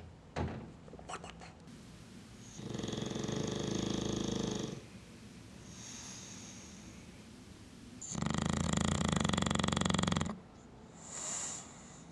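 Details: Sleeping, loud rattling snores in two long breaths with quieter breathing between; snoring.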